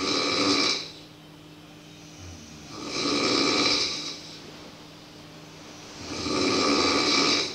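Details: Snoring in a boarding-school dormitory in Llifén, loud enough to keep others from sleeping.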